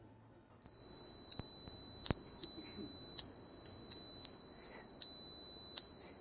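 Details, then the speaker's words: Simulated high-frequency tinnitus: a steady, piercing high-pitched tone of about 4000 Hz, with faint room clicks behind; tinnitus simulation. "creo que el ejemplo 2 que tenemos es un ruido parecido al primero pero mucho más agudo escuchemos"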